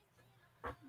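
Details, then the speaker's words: Loud snoring from a dog, a female, heard over a livestream panel; snoring. "You know what's even what's even not getting out is how loud your dog is snoring."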